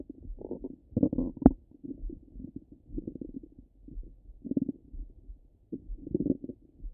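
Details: Stomach rumbling heard close up over the belly: frequent gurgling, bubbling rumbles with short pops; active normal bowel sounds.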